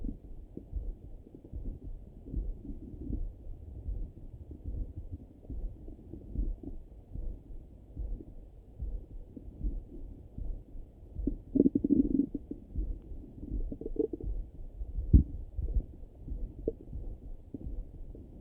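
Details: Morning stomach rumbling heard through a stethoscope over the belly: low, irregular gurgles and rumbles, ordinary bowel sounds (borborygmi).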